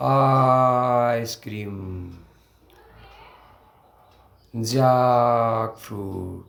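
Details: Man who stutters demonstrates saying single words with costal breathing and deliberate prolongation, a technique for overcoming blocks; prolonged speech technique (stuttering).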